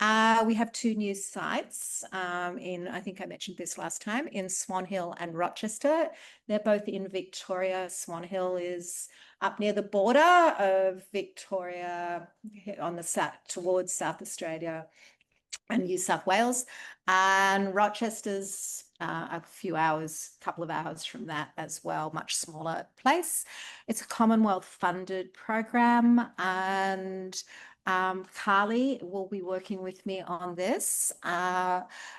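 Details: Adult woman speaking; normal speech.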